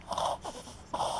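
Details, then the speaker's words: Dog (Benny) with harsh, rapid snorting nasal inhalations after coming in from outdoor winter smoke; owner suspects smoke allergy, vets call it reverse sneezing; reverse sneezing episode. "his is what happened when your dog wheezing this is when he's when he's allergic to smoke my dog's allergic to smoke"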